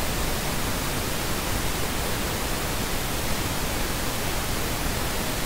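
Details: Pink noise tinnitus masker from the Phonak Lumity hearing aid Tinnitus Balance feature, adjustable with an equalizer: a steady, even hiss weighted toward the low end.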